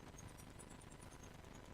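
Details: Radial shockwave (AdipoWave) fat-treatment demonstration, handpiece pressed lightly and slid over about a 400 cm² skin area, avoiding bone: rapid, continuous rattling taps at a fast steady rate.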